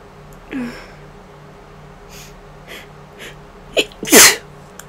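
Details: Person home sick with a cold- or flu-like illness of unknown cause, no fever the day before: a quick breath in, then one loud explosive sneeze over a quiet room hum, with a few faint sounds before it.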